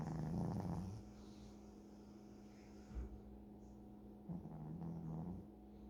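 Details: Dog snoring recorded close up: soft, low, rumbling snores, two breaths with quiet pauses between.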